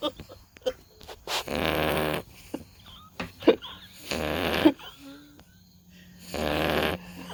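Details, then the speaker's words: Sleeping Beagle puppy snoring: three loud, rattling snores with clicks and soft room noise in the gaps; ordinary snoring. "my puppy for sure. We're gonna have to get her a CPAP machine."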